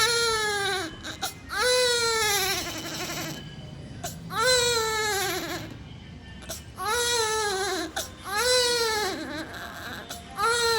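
Repeated high-pitched, falling wailing cries with short catches of breath between them; crying of a premature low-birth-weight baby.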